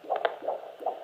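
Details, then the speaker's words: A handheld Doppler at a midwife appointment picks up the heartbeat of a baby girl at 26 weeks, an IVF pregnancy. Rapid, regular whooshing pulses at about 155 a minute, with normal variation. "I videoed the heartbeat so I'm going to slot that video in right now and so this is um heartbeat at my most recent um Midwife appoint easy she knows as soon as it goes on"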